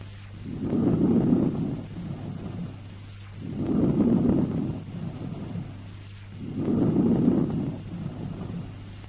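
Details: Teaching recording of normal vesicular breath sounds: soft, low rustling breaths in a steady rhythm, about 20 a minute, with inspiration louder, longer and higher pitched than expiration.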